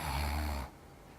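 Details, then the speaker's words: Snoring imitated by a clinician to show friction noise as air passes through a narrowed nasal and palate space, with the soft palate fluttering; simulated snoring, not a real patient. "이 공간으로 바람이 지나다니면서 좁아진 부분에 마찰음이 나타나는게 코골이 소리 입니다 그 제가 흉내낼 수 있는데"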